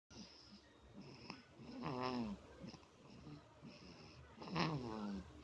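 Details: Baby snoring while drinking milk from a bottle without letting go of it: rattly noisy breaths with short squeaky, whiny sounds, about 24 a minute; infant snoring.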